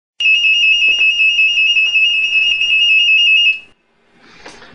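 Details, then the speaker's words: Loud, steady high-pitched beeping for about three seconds from a Nanny BM2 infant breathing-movement monitor, which alarms if the baby's breathing and movement stop for over 20 seconds or breathing falls below 8 breaths per minute. "the sound you just heard was the alarm from The Nanny bm2 baby movement monitor"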